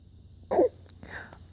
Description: 5 1/2 month old fake sneezing, cause well she thinks sneezes are funny!